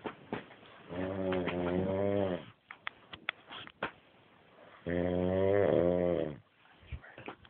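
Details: Adult man asleep lying on his back, snoring: two long, loud, rattling inspiratory snores separated by quiet out-breaths, in a quiet room.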